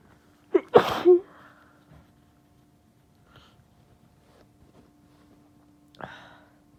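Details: Strong induced sneezing in a female with flu and a bothersome nose: a sharp inhaled catch, one forceful sneeze, then a later short sniff-like burst in a quiet room.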